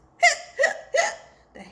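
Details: Simulated cartoon-style hiccups of a skeleton character during a children's storybook read-aloud: three short, sharp, voiced gulps about 0.4 seconds apart.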